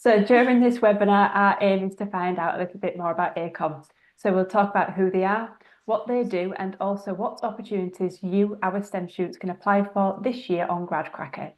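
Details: Adult woman speaking; Normal speech.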